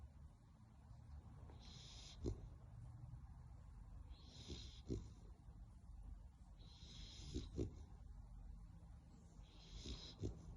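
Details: Sleeping female American Bully dog: regular snorting snores, about 23 a minute, each with a hissing whistle and a snort at the end; snoring.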